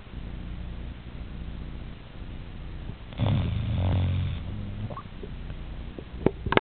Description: It is totally snoring like the human being.